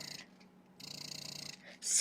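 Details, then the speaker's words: Motif Luna breast pump at cycle speed 46 suctions per minute: hissing motor bursts with only short pauses between suction strokes; breast pump at fast cycle speed. "this setting is allowing you to control how many sections per minute this pump is doing so let me get the volume up so you can hear it this is cycle 46"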